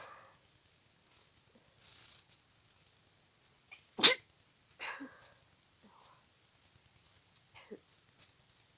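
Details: Person with a cold, nose very stuffy and congested with a deep nasal tickle: several sneezes with sniffly build-ups, one sharp and loud, in a quiet room; congested sick sneezing.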